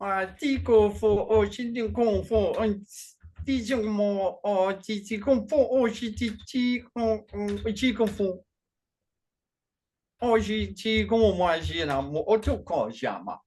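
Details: Functional neurological disorder in a man with foreign accent syndrome and gibberish speech during a bout; the accent changes between French, German, Slavic, Russian or Asian and sounds Chinese today; onset around 2019 with non-epileptic seizures; worse with strong emotion.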